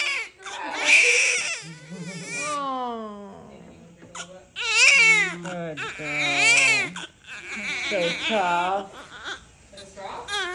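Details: Newborn baby girl just delivered under epidural: strong, repeated cries in bursts with breaths between, heard right after birth, a vigorous normal first cry.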